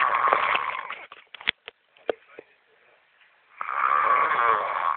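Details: Boston caught snoring: rough, rattling snores broken by snorts and a quiet pause, with noisy breathing in sleep.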